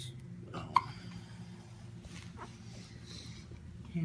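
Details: One-day-old newborn boy with hiccups after eating: a single sharp, abrupt hiccup, then quiet room noise; an ordinary infant hiccup.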